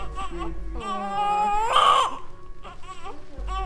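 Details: Newborn crying; newborn cry.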